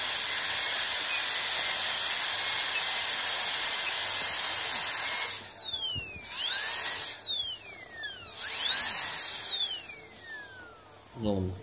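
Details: Disposable dental drilling handpiece: high-pitched steady whine, pitch swooping down and back up as it slows and speeds up.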